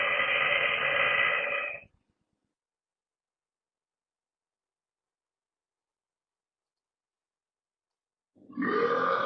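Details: Girl giving deep, loud, long burps during a mukbang: two long, loud, deep belches separated by silence, with "excuse me" around them; burping.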